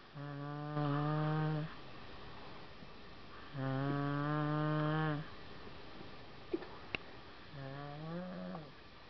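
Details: Three long, droning, humming snores about three seconds apart, with a brief pop between the last two, possibly a fart. Snoring.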